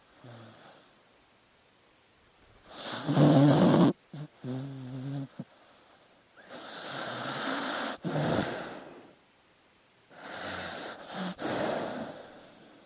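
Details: Sleeping dog snoring with rough, rattling breaths, a short fluttering snort, and brief pauses between breaths.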